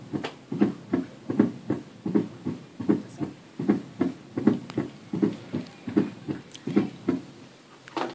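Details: Simulated heart sounds at the apex on a thorax simulator, about 78 per minute, with an extra soft sound just before each main beat; S4 gallop, heard best at the apex.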